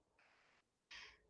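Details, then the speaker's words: Two soft, hissy, airy snoring breaths from a sleeping chubby Yorkshire terrier. Finding: snoring. "my two little yorkies they're snoring the chubby little one is snoring"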